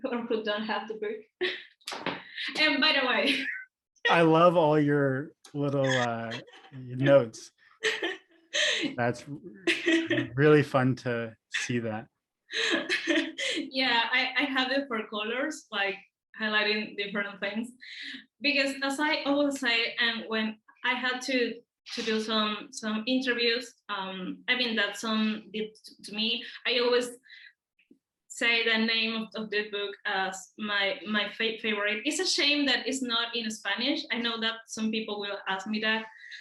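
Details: Adult man, speech therapist and professor who stutters, with audible part-word and word repetitions; stuttering.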